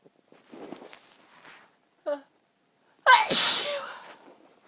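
Quiet breathy sounds and a brief vocal catch, then one loud, explosive sneeze; only a single full sneeze of the fit is heard.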